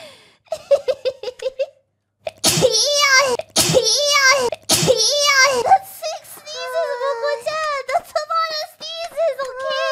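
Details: Three high-pitched voiced sneezes in quick succession, with giggly vocal sounds before and after, from a VTuber streamer during a stream (six sneezes counted in total); sneezing.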